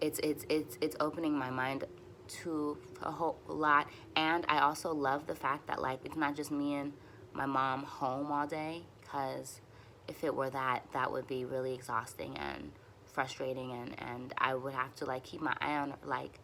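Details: Stuttering in an adult woman who uses easy onsets, light contacts and voluntary stuttering for nearly fluent speech, and says her stutters get longer when she is frustrated and tense.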